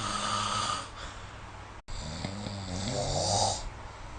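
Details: Adult snoring recorded with the SnoreLab app in a quiet room: rough, rattling sleep breathing with low fluttering vibration on the breaths.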